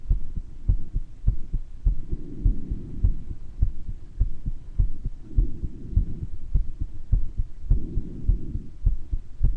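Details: Self-recorded heart with a known murmur, person with mild bronchitis, occasional wheezes heard: heart murmur.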